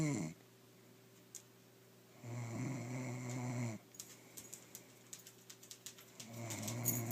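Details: Two long, low, rough snoring breaths with quiet gaps and some clicking or tapping noise in the room; adult snoring.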